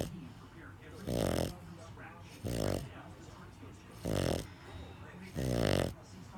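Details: A sleeping pug snores after a hard day at doggy day care: four loud, rattling snores about every 1.5 seconds, with quiet breathing between. Pug snoring.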